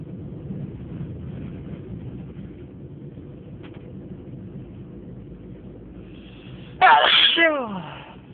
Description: On this video I sneezed for 6 minutes....more of 30 sneezes. Enjoy!!